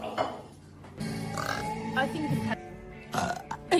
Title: The Ultimate Burping & Belching Masterpiece 🇮🇹